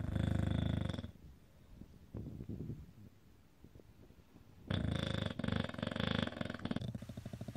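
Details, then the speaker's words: English bulldog sleeping: loud, rattling snores with fluttering vibration, separated by quieter breathing, background music in places; snoring typical of the breed, can get really loud. "as a lot of you may know ready Bulldog snore and it can get really loud"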